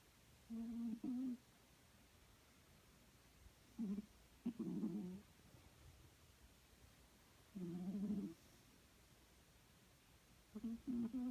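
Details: Short, low, buzzing snores with each slow breath of a sleeping Snowshoe Siamese cat, with quiet pauses between them; a habitual snorer; snoring.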